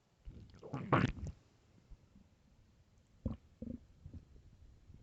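A loud gurgling rumble followed by a few softer squelching gurgles in a quiet room: ordinary stomach growling.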